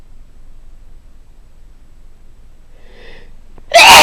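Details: Adult sneezing repeatedly on waking in the morning, cause uncertain, possibly pollen: a quiet in-breath, then one sharp, loud sneeze burst.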